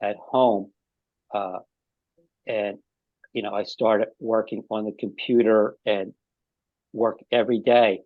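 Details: Aphasia in an adult man five years after an ischemic stroke, with halting speech, frequent pauses and fillers.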